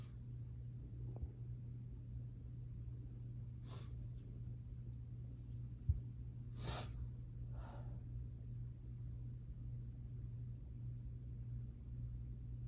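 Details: Female's summer-night sneezing fit, attributed to allergies that flare in the heat: several quick, sharp nasal sneezes in a short run over a steady low room hum.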